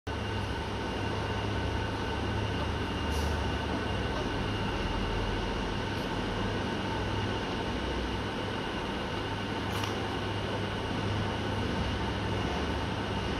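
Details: Steady motor hum with a constant hiss and a few faint clicks: a suction unit running while a newborn in an incubator is suctioned.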